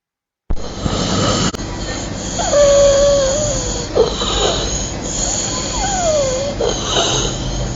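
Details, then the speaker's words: Six-year-old boy with biphasic stridor, tachypnea, and suprasternal and sternal retractions from laryngeal polyps and granulation tissue narrowing the subglottis, caused by a migrating foreign body: harsh, high-pitched musical noise on inspiration and expiration. "At presentation, the patient had tachypnea, biphasic stridor, suprasternal and sternal retraction."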